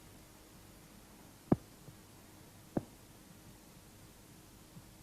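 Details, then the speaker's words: Normal heart sounds auscultated at the base of the heart: slow, soft thumps over a low hum, second (diastolic) sound louder than the first from closure of the aortic and pulmonary semilunar valves. "в норме у основания сердца второй тон громче первого второй диастолический тон возникает в результате захлопывания и колебаний полулунных клапанов аорты и лёгочной"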